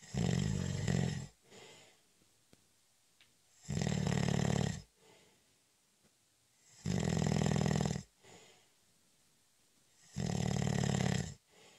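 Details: Snoring during a short, light nap (cat nap): loud, rattling snores on each breath in, with quieter breaths out, about 18 breaths a minute.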